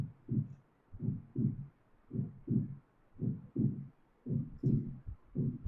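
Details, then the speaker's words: Normal heart sounds in a normal person, heard alongside visible neck (carotid) pulsation during a clinical cardiology teaching seminar; finding: normal heart sounds. "This is normal. This is normal in normal heart normal person you will see this position"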